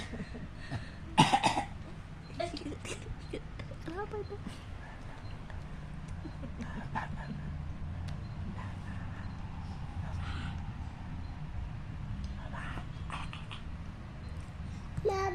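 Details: One-year-old baby boy pretending to cough: a few brief playful coughs, then quiet room noise with low rumble; voluntary (pretend) cough.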